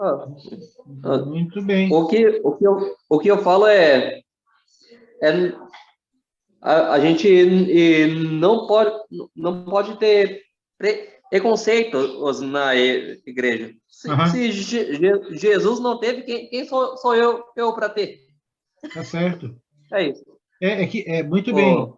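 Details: Portuguese-speaking man who says he has a stutter himself; stuttering.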